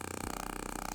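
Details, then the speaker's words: Radial shockwave therapy (ESWT) applied to a patient in a first treatment to bring in blood flow: rapid, steady buzzing pulses from the radial shockwave device in use. "high energy pulse followed by very little energy. And it's that change in energy that stimulates the tissue. It doesn't damage it."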